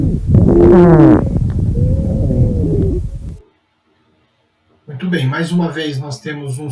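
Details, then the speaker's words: Monophonic expiratory wheeze in a lung auscultation teaching example: a simulated chest sound with a single musical whistling tone, followed by a pause and speech. "e percebam que esse é um tipo de sybil monofônico e expiratório"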